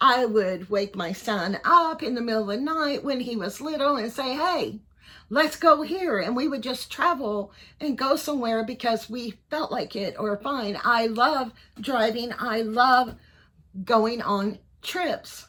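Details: Voice tremor in a 55-year-old man; doctors are unsure whether he has Parkinson's disease, cervical dystonia or both, and he reports tremor in his voice, head and hands.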